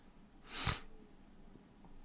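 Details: Single sharp, explosive sneeze through nose and mouth, then quiet, from a person with a cold and congested sinuses.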